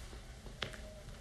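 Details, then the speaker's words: Knee bending recorded by phone held near the knee: a single sharp painless crack over low hum, normal joint popping from pressure changes, not arthritis. "아, 이거는 정상적으로 우리 압력의 변화로 나는 소리니까 이 소리는 걱정하실 필요 없습니다."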